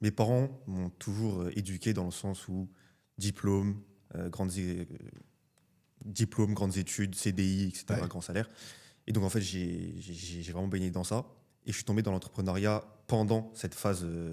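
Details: Adult man speaking French; normal voice.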